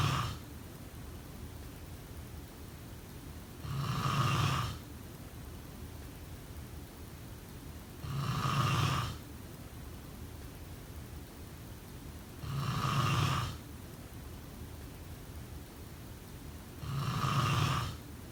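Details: Snoring during sleep: regular rumbling snores on each breath in, about 14 a minute, over steady room hiss.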